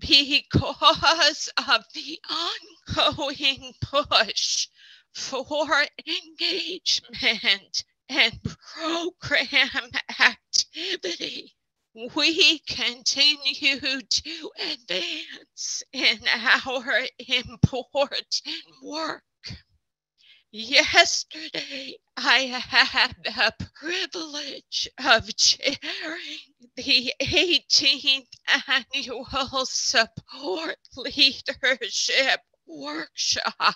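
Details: Adult speaker who counts himself among people with spasmodic dysphonia; spasmodic dysphonia.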